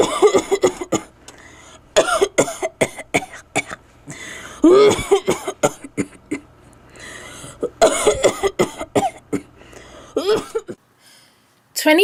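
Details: Acted anti-tobacco adult cough: repeated harsh, rattling coughing fits with gasping pauses, imitating a chronic smoker with lung disease.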